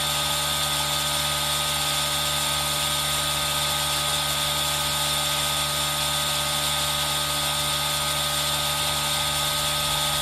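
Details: Aerosol nebulizer compressor running for ASMR with rain sound mixed in, recorded on a Zoom H1n: steady loud hiss and motor hum mixed with continuous rain noise.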